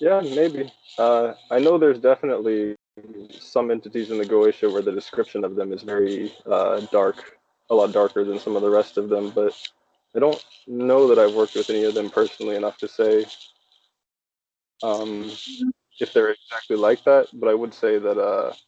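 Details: Adult male speaker; no speech disorder.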